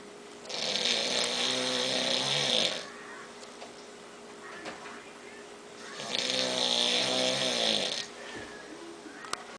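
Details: Two long, harsh, buzzing snores on the in-breath, about six seconds apart, with quiet pauses between: snoring in a sleeping father.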